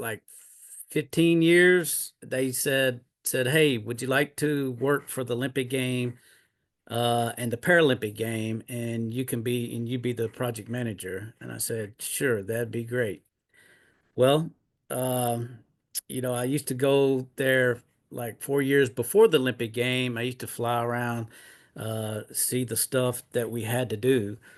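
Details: Retired, disabled adult man with aphasia after two mini strokes in 2016.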